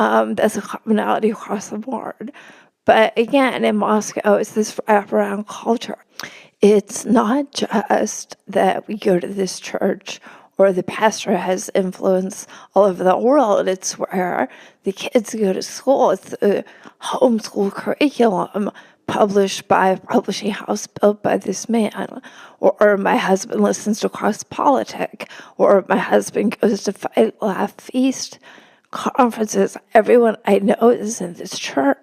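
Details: Real adult woman with spasmodic dysphonia; spasmodic dysphonia.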